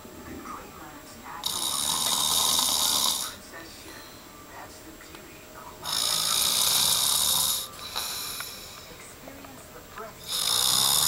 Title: Snoring